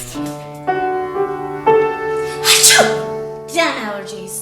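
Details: Two or three sneezes from adult radio hosts over loud background music, attempted for a young girl with a rare metabolic disorder; some sneezes may be faked; sneezing.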